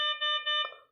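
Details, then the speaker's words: T5 patient monitor tested with ProSim 8 simulator after main board repair, tachycardia settings (ECG 180, respiratory rate 50, NIBP 80/50, SpO2 88% below 90% limit): loud repeating electronic alarm tone; patient monitor low-saturation alarm. "So siguro mag-a-alarm yan kasi ito naka-set to sa 90 yung pinakaow ng saturation niya."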